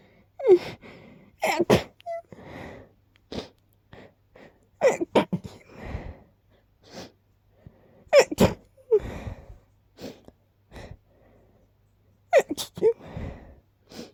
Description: I tried to hold back a little, which led to buildups that led to sneezes and the circle of life 🦁